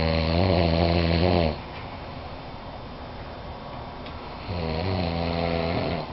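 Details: A man who says he doesn't snore, snoring in his sleep: two loud, rough, vibrating snores separated by a quiet exhale over about six seconds.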